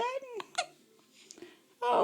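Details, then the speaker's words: Hiccups in an 11-day-old infant: vocal sounds broken by short, sharp, abrupt catches of breath. "the hiccups sweet dear donovan whoa"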